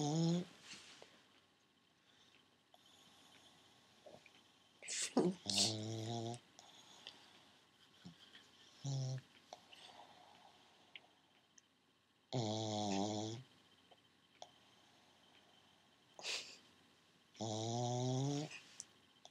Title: Our pug Frankie snoring REALLY LOUD